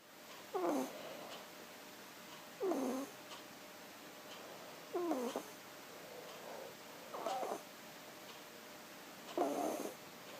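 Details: Loud, raspy snoring from a sleeping little kitten, one snore on each breath at about 28 per minute, over quiet room noise.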